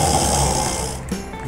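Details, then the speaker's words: Simple snoring from a narrowed throat airway, attributed to soft palate vibration as when the uvula sags: a low, rattling snore on breathing in. "이게 연구개가 떨리는 소리죠. 그래서 목젖이 늘어지거나 하는 경우에 이런 소리가 납니다."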